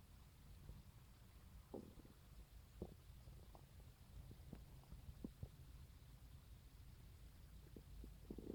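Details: Morning stomach growling recorded on a phone on waking: low rumbling with scattered gurgles and squeaks over steady background noise; ordinary borborygmi, normal bowel sounds.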